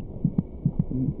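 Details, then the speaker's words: Fetal heartbeat in a documentary on fetal development: by week 26 it may be audible through the mother's abdomen, beating about twice as fast as the mother's heart. "by week twenty six it may just be possible to hear the fetal heartbeat by putting your ear against the mothers abdomen the fetus's heart meets about twice as fast as a mother's"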